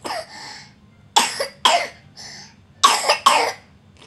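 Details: Cough recorded on April 22, 2014, taken for a doctor.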